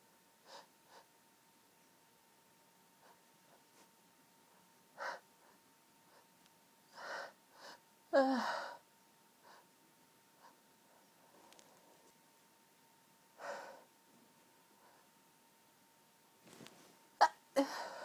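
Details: Quiet breathy build-ups with soft muffled bursts and one stronger half-stifled sneeze: allergy-related stifled sneezing from a sensitive, tickling nose, in a quiet room.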